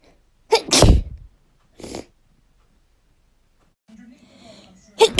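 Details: Three abrupt, explosive natural sneezes from a female, the first loudest, with a brief soft vocal sound before the last.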